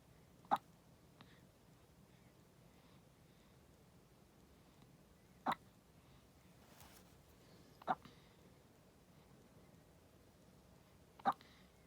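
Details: Newborn, 14 days old, with hiccups: four brief, sharp hiccup clicks spaced several seconds apart in a quiet room.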